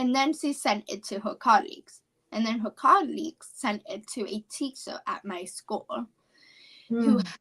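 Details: 17-year-old female high school senior with apraxia of speech, which she describes as a neurological speech disorder.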